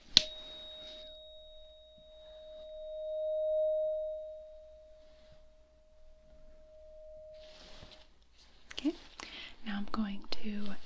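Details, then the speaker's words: Simulated Weber test in a role-played cranial nerve exam: a tuning fork is struck and placed on the nose, ringing as a pure steady tone for several seconds before fading, then soft sounds; tuning fork tone. "so i'm going to hit it and place it on your nose and you make sure that you hear it on both sides equally okay"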